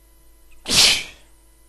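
A single sharp, hissing burst of air typical of one sneeze, in a quiet room.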